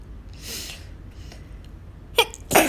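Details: Person sneezing from dust allergy while cleaning a dusty house; a soft breathy burst, then two sharp explosive sneezes close together; repeated allergic sneezing.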